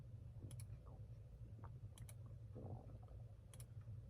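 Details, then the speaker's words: An adult man's stomach rumbling (borborygmi), audible while he talks about his online reselling business and says he will discuss what is going on with his body. "You can hear my stomach rumbling. I'll talk about that a little bit, too. What's going on with my body right now?"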